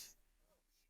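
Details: Acted: a clinician imitates a patient's severely strained voice from muscle tension dysphonia; she used her voice heavily at work, and the strain developed after a couple of hours there. It resolved after one session of relaxation and circumlaryngeal massage.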